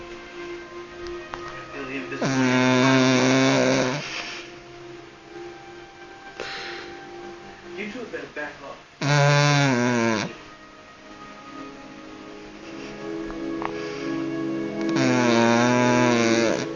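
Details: A Cavalier King Charles Spaniel asleep on a sofa: three loud, rattling, voiced snores about every six seconds, with television dialogue and music in the background; dog snoring.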